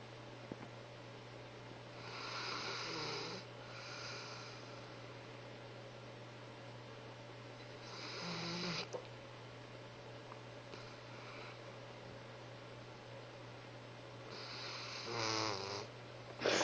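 Soft, rasping breaths repeat every five to six seconds over a steady low hum. Infant snoring.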